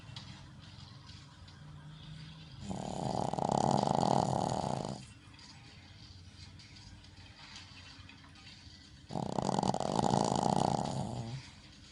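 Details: Shih Tzu dog named Ginger, female, snoring while asleep: two loud, rasping snores on the in-breaths, about six seconds apart, with quiet breathing between.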